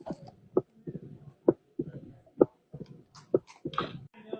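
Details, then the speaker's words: Simulated heart sounds from a study app quiz, about 65 beats a minute with an extra early diastolic opening snap; mitral stenosis with opening snap. "right what do you think that this heart sound is mitral stenosis you're right 10 out of 10 10 out of 10. he had the opening snap down"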